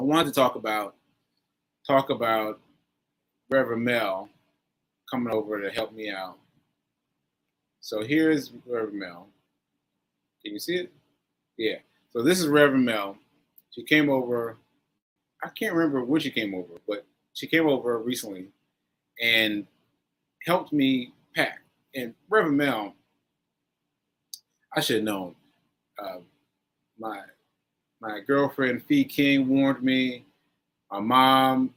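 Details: Aphasia with word-finding difficulty in a male stroke survivor, nearly a year after a stroke on 7/14/22 (recorded 7/4/23); he is still recovering and says his aphasia makes some things harder.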